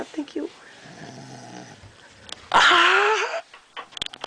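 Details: Snoring: a single loud, rough, rattling breath sound against quiet room noise.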